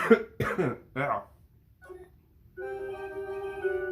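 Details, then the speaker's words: Adult with a lingering cough after being sick for a couple of days: three short, rough coughing bursts, followed by video game music; cough. "but then I feel better now but that cough is just still there so you might hear it from time to time"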